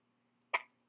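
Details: Person with a bout of hiccups; a single short, sharp hiccup, a sudden catch of breath with a quick throat click, over a faint steady hum.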